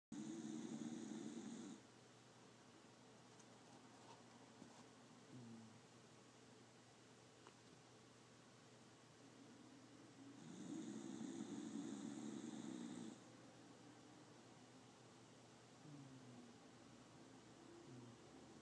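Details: Snoring while snoozing on a lap in an office: two low, rattling inhaled snores about ten seconds apart, with quiet breathing between; ordinary snoring.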